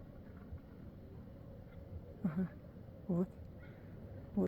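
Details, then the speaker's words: Snoring from one of several lions lying on hay in a park, probably one lying on its side and twitching its legs: lion snoring. "Я вот не пойму, здесь тут храпит так прям. Слышите, кто-то из них храпит. Кто на боку лежит, он, наверное, храпит."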